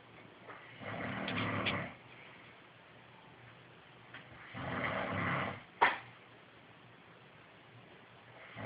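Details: Two slow, rough snoring breaths about four seconds apart, with a brief snort after the second; snoring.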